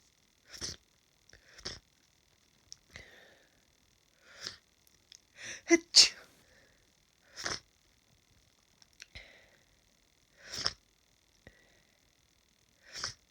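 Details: Hay fever sufferer sneezing after cutting grass, now congested: roughly ten sharp, hissing sneezes in a row with sniffs between, in a small room; a bout of repeated sneezing.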